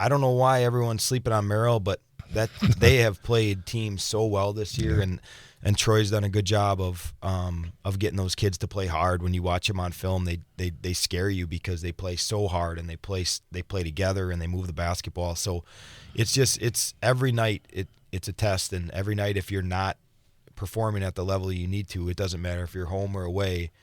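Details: Adult man, radio interview; normal voice.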